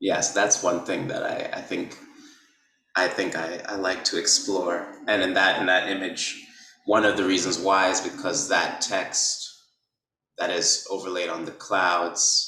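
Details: Man who describes himself as someone who stutters, with repetitions and blocks; stuttering.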